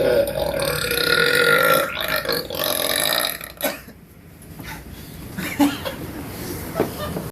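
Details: Man burping: one long, loud, drawn-out belch lasting several seconds, then a few shorter grunting burps, with faint room noise.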